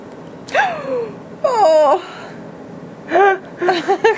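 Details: An infant's first recorded hiccups: several brief, high squeaky catches of breath in quick succession.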